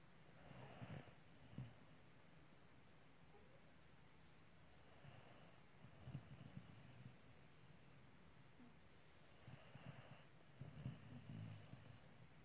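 Soft, low, rough snoring breaths recurring every four to five seconds over steady background hiss: snoring.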